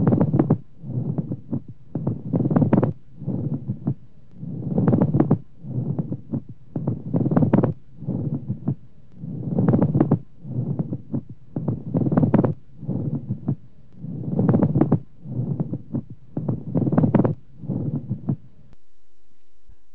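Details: Loud, superficial, coarse grating bursts with each breath in and out, a pleural friction rub in acute dry pleurisy.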